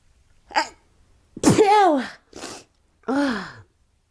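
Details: Fit of repeated explosive sneezes with sharp intakes in a quiet room, on waking in the morning; sneezer says it happens every morning and can't stop.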